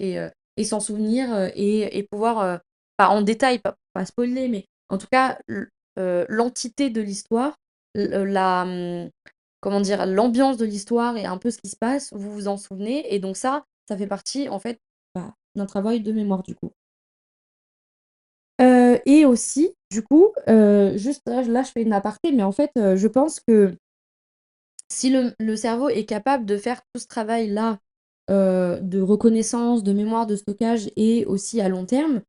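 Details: French-speaking woman who says she currently stutters a lot because of heavy fatigue; word repetitions heard; finding: stuttering.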